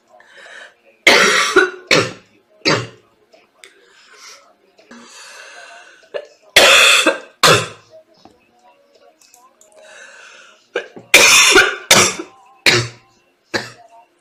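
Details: Repeated harsh coughs in small clusters from a sick girl, with faint music and breathy sounds between bouts.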